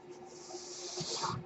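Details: The speaker's own mechanical ventilator, heard during podcast speech, cycling through a breath.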